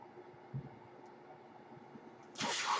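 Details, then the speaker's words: The speaker's own mechanical ventilator during podcast speech: a steady low mechanical hum with a soft thump, then a sudden rush of airflow hiss; mechanical ventilator noise. "noise you're hearing is ventilator and welcome page turners they were not my style is blankets"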